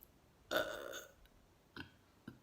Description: a soundscape of burps, Debussy's "Romance", a poem recited by a theatre troupe in Cuba, and the audio of my arrest for protesting a pipeline.